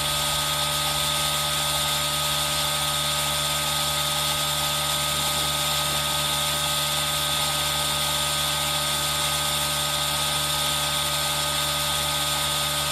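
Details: Aerosol nebulizer running, recorded with rain sound for ASMR: steady loud mechanical hum and hiss with rain-like noise throughout; nebulizer running.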